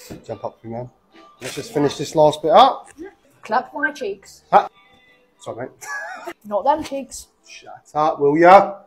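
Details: Barber with Tourette syndrome producing vocal tics while finishing a haircut; vocal tics (Tourette syndrome).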